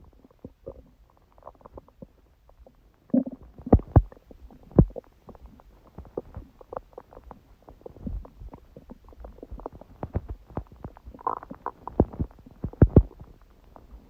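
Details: After eating too much udon at 19:30, recorded at 1:30 am on waking; owner jokes stomach was surprised by gluten after a long break. Frequent irregular gurgles, pops and rumbling bursts in a quiet room: stomach growling (borborygmi).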